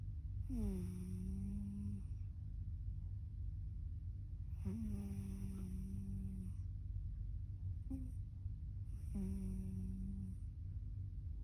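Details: Three long, whistly, tonal snores about every 4 to 5 seconds over a steady low rumble, from a sleeping ginger cat; snoring.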